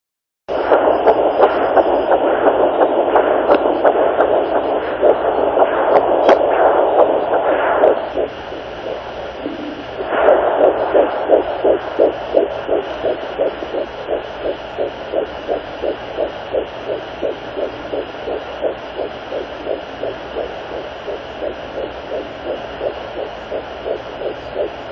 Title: 10 Weeks 1 day fetal doppler